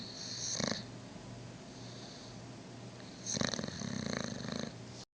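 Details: Two rough, rattling snore breaths a few seconds apart with a steady low hum between, from a dog: snoring.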